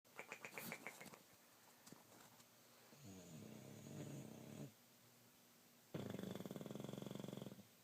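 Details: Snoring in bed during sleep: faint rattling snores separated by quiet stretches, with small snuffles at the start.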